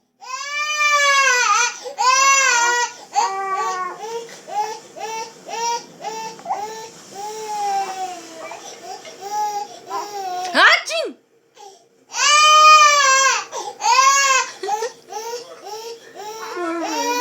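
Loud, repeated wailing cries from an infant with pauses for breath, some voices in the room; an ordinary infant cry.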